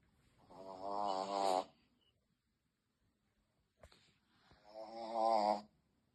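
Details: Shih Tzu puppy snoring in sleep, seemingly startled by its own snoring: two drawn-out, buzzing, whistly snores with a silent pause between.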